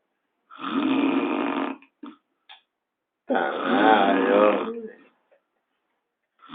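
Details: Heavy snoring, called the worst snore in the world: two loud, rough, rattling snores, each over a second long, separated by quiet pauses.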